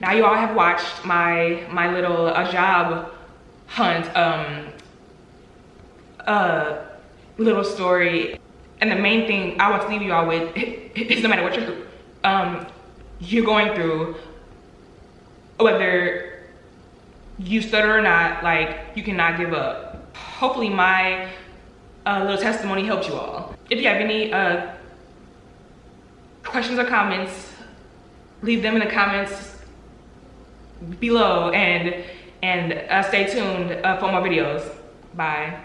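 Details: Adult woman who stutters, with audible word repetitions; she reports three years of job interviews without an offer due to her stuttering; stuttering.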